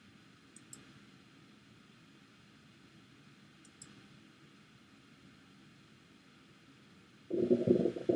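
Quiet stethoscope hiss with faint clicks, then a loud, low, bubbling gurgle lasting about a second: normoactive bowel sounds, a normal finding.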